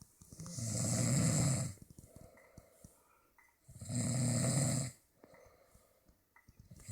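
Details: Father and son snoring while asleep: two loud, deep, rattling snores about three seconds apart with softer breathing between, roughly 19 breaths a minute.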